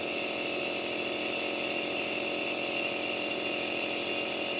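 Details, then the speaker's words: Compressor nebulizer switched on for a young daughter with cough, cold and chest congestion, used on doctor's advice: steady mechanical hum and hiss delivering aerosolized medicine through tubing and mask. "इसको यहां पर गिनी ने पकड़ लिया हमने machine को on कर और"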